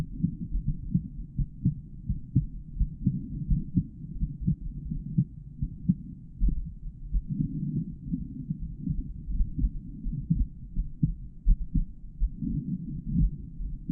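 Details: Normal male heartbeat recorded through a stethoscope with a microphone in the earpieces, during auscultation of the heart valve areas.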